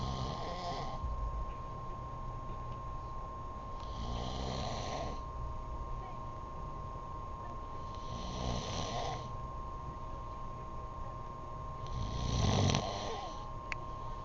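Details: Loud, regular snores roughly every four seconds, about 15 a minute, over a steady electrical hum, from a sleeping man; snoring.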